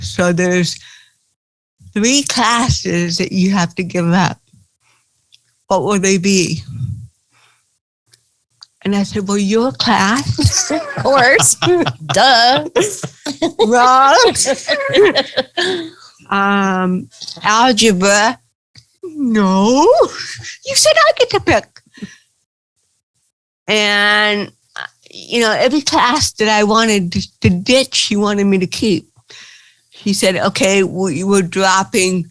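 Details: Adult woman with cerebral palsy speaking in an interview: dysarthria (cerebral palsy).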